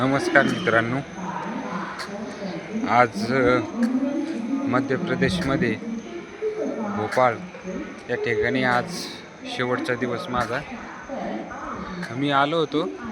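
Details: Stuttering in an adult man with a long-standing stammer who sometimes could not get words out, heard after completing a 7-day speech therapy course.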